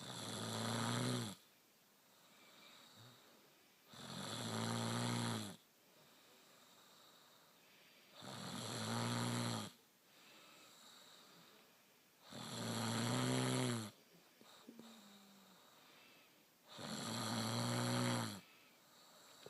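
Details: Sleeping woman who doubts she snores: loud, rattling snores on each in-breath, about 14 breaths a minute, with quiet exhalations between; regular snoring.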